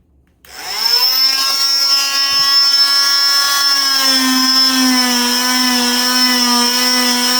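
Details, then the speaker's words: Oscillating cast saw bivalving a below-knee cast on a female patient, cross-hatching where cuts join: steady high-pitched whine, pitch dipping slightly as it bites into the material. "And then I'm going to cross hatch where I join these two, meaning that I'm not just going to meet them like this, because then you're going to potentially not cut all the way through. You actually have to cross the lines to make sure you cut."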